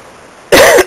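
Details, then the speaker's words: One loud, harsh cough burst with a rattly, congested quality; an adult's wet cough during a cold of several days, despite cough syrup and steam. "and i feel a little bit better but sooner that wet gross nasty cough"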